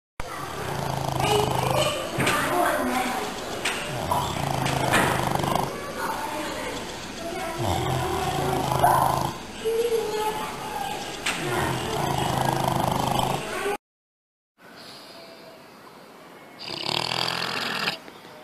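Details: Sleeping pigs: repeated low, grunting snores, about ten a minute, with a noisy background and a short break near the end: snoring.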